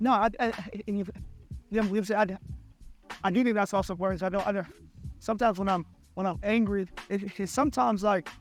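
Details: Adult male podcast host who stutters, speaking conversationally; stuttering.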